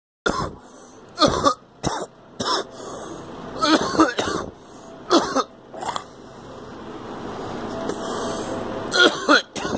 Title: Coughing